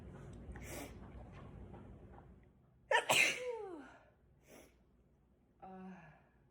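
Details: Single explosive, spraying sneeze with a voiced trailing sound, then a short vocal sound, in a quiet room.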